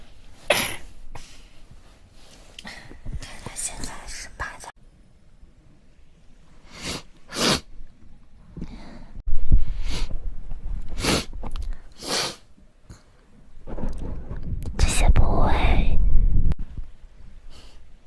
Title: (REUPLOAD) Beautiful Chinese girl allergy wet sneeze 4